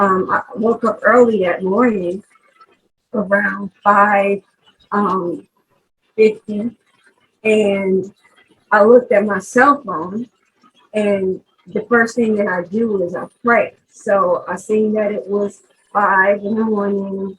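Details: Aphasia in a 43-year-old woman after a stroke in 2020; she could not talk for 10 days in hospital and has worked with several speech therapists. Finding: aphasia.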